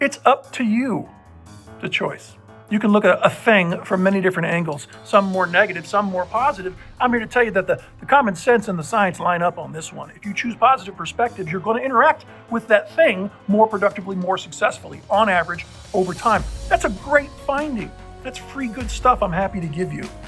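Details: Adult man with voice change persisting since a puzzling respiratory illness nine months earlier; the infection cleared and he has no trouble breathing, but an uncontrollable spasmic cough remains; the outcome is unknown; finding: dysphonia.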